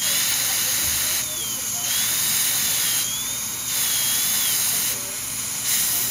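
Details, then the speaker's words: High-speed dental handpiece preparing porcelain veneers on teeth #7 and #8 with lingual chamfer margins. Loud high-pitched whine with hissing water spray, running in bursts with pitch dips while cutting between the front teeth to open the embrasure. "Now if I was to stop here, I'd have a big fin of a real thin of enamel. So I can't do that yet."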